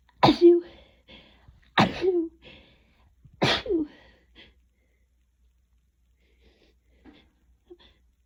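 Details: Sneezing fit during a cold that woke the person up, barely breathing between sneezes: three loud sneezes in quick succession, each a sharp burst with a short voiced tail, then quiet.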